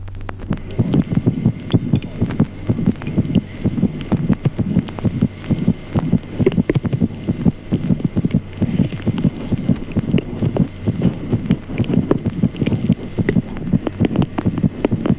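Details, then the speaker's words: Teaching example of normal fetal heart sounds: rapid soft fetal heartbeats, about 130 a minute, over slower maternal pulse heard as a soft swishing systolic murmur; normal finding. "ejemplo cuarto ruidos cardíacos fetales además pulso materno como un suave soplo sistólico"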